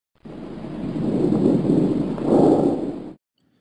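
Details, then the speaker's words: Normal bronchovesicular breath sound heard with the stethoscope diaphragm over the junction of main stem and segmental bronchi: high-pitched, continuous with no pause, inspiration to expiration ratio 1:1. "The next sound you will hear is a normal broncoicular sound found over the junction between main stem bronchi and segmental bronchi. Broncoicular sounds are high pitch with no pause and a 1:1 inspiration expiration ratio."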